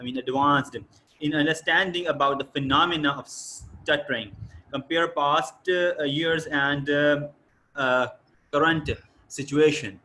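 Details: Adult male speaker; typical speech.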